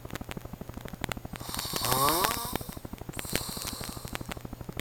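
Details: Loud, rough snore rising in pitch over a steady background clicking, during sleep; snoring.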